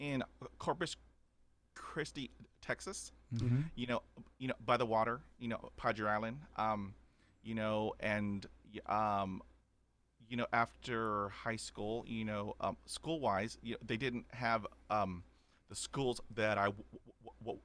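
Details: Adult man who has stuttered since age five, onset after a dog attack, about 80% fluent after 20 years of speech therapy, still with repetitions and blocks: stuttering.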